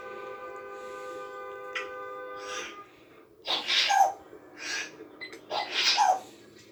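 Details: African grey parrot imitating sneezing: after a whistled tone, a few sharp, breathy sneeze-like bursts, not a true sneeze.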